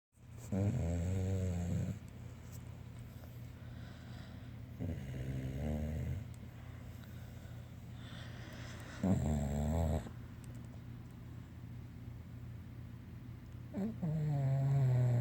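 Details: A pet sleeping on its first night wearing an e-collar snores loudly with low, rattling snores on each breath, about every four to five seconds (roughly 13 a minute), over a steady room hum.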